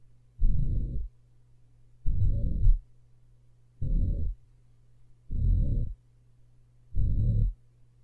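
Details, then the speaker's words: Slowed-playback heart recording of a mitral regurgitation murmur: long, low whooshing systolic murmur heard with S1, because the mitral valve should be closed during systole. "it's closed during systole therefore the patient will have a systolic murmur that you'll hear on s1"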